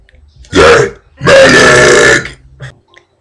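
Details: Deliberate burping of One Direction members' names: two loud, voiced belches, the second long and drawn out.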